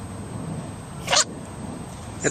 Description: Cute animals sneezing! Here is a Compilation of cute small animals sneezing like crazy - So funny!